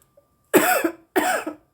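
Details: Woman smoking a cannabis joint: two harsh, forceful coughs about half a second apart, each with a rough voiced tail; coughing after inhaling smoke.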